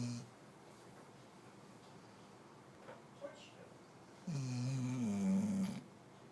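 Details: Loud snoring from a 6-month-old Labrador puppy in deep sleep.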